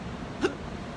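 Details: Adult with hiccups of unknown cause, on a cruise ship: a single short, abrupt hiccup against quiet background noise.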